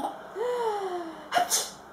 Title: sneezing on command :)